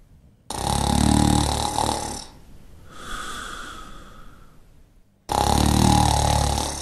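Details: Shar Pei dog snoring while asleep: loud, rough snores, each followed by a softer whistling out-breath.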